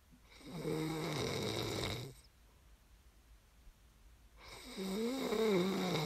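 Two drawn-out, buzzing snores, each about two seconds long, separated by a quiet pause. Typical snoring during sleep.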